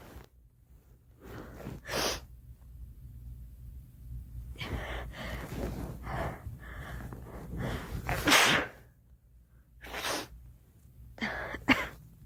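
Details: Run of about five sharp sneezes from a girl, each preceded by a quick gasping breath in; sneezing.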